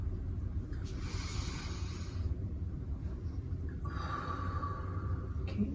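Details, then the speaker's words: Nursing-skills demonstration of assisted deep-breathing exercise for a patient with incisions, breathing in through the nose and out through the mouth: one slow, deep inhale, a pause, then a long, audible exhale. "okay inhale one two three exhale one more time exhale okay one more time exhale"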